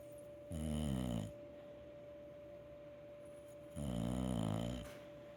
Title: Dog snores while I do yoga.